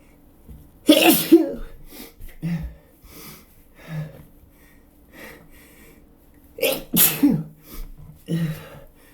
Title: Chhinkni Sneezes